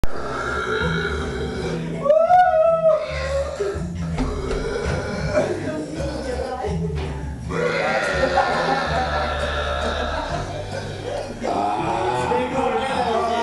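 Long, low, rumbling voiced belches heard over background music.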